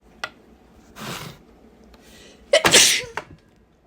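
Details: Stuffy sneezes from an old recording, person possibly sick at the time: two sneezes, each with a hissing intake and congested burst, the second louder and fuller.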